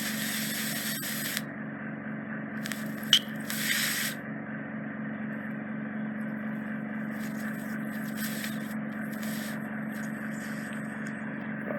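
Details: Endoscopic microsuction of deep impacted ear wax trapped in the ear canal isthmus near the eardrum, adult female: continuous hissing suction with brief scraping and crackling bursts as wax is drawn in.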